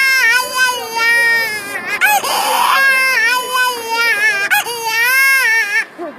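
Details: Infant cry set off by lightly blowing air at the baby twice: loud, high-pitched wailing in repeated bursts with brief sobbing breaths between, an ordinary infant cry.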